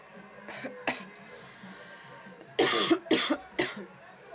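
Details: Smoker's cough after a shower: two short coughs, then a burst of three harsh, rattly coughs.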